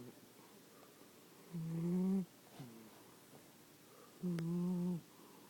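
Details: Two steady, humming snoring breaths about three seconds apart over quiet room noise from a sleeping fat cat; snoring.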